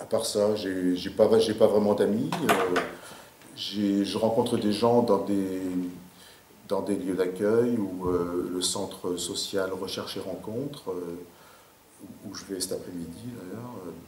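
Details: 58-year-old man who has stuttered since about age 4, with speech blocks: stuttering.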